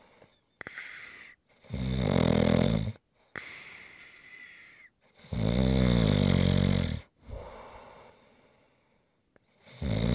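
Loud rattling snores on the in-breath alternating with quieter airy out-breaths, about two cycles in ten seconds; typical snoring.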